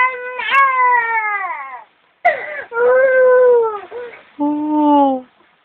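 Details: A young child crying in several drawn-out, wailing bursts with brief pauses between them, in a quiet room.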